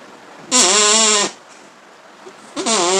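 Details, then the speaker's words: Simulated snoring: air blown through a straw with a cut flap, two buzzy bleat-like tones, modelling snoring caused by airflow through a narrow airway obstructed by a vibrating structure. "dan gerakan ngeplek-ngeplek bergetar inilah yang akan menimbulkan suara saya tiup"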